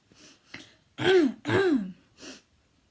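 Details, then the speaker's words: Habit cough in a person, coughing for five years, up to what feels like a hundred times per minute: a brief run of loud, harsh, honking voiced coughs between softer breaths. "I usually call for what feels like a hundred times per minute and I've been coughing for the past five years so here I go"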